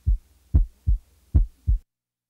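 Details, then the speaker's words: Teaching heart sound recording of a loud, sharp first sound followed by a softer second sound, heard as a descending musical pattern, at about 75 beats a minute: loud first heart sound (S1 louder than S2). "listen now to a loud first sound followed by a softer second sound"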